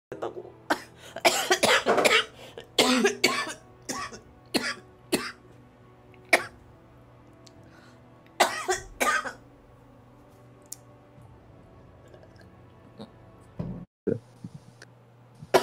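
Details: Repeated harsh cough bursts in clusters, about a dozen, with quiet gaps, from a girl who says she coughed so hard at work that she tasted blood in her throat.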